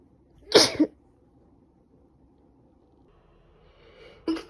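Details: Sneezing during a cold in a woman, after about three days of bad sneezing: one forceful sneeze, a quiet gap, then the start of a second sneeze.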